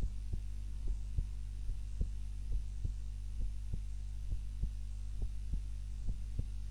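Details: Own heart sounds recorded on a timer while napping, lying on the back (supine) rather than the usual face-down position: steady, soft paired heartbeats, about 95 a minute, over a low steady hum; normal heart sounds.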